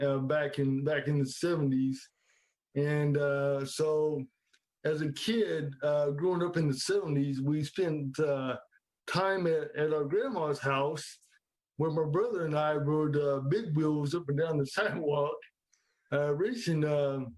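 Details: Dysarthria in an adult man with cerebral palsy since birth, affecting his legs, arms, hands and speech.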